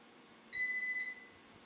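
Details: One clear, high electronic beep lasting about half a second: the reading-complete tone of the oral thermometer probe (with disposable sheath, in the patient's mouth) on a Riester RVS 100 vital signs monitor.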